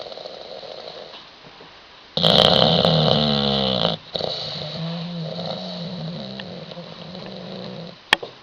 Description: Bulldog William snoring.